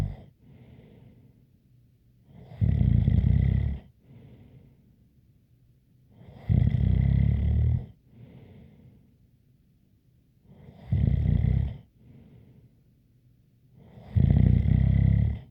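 Loud rattling snores on each in-breath, about four in 15 seconds, with a faint high whistle riding on them; snoring.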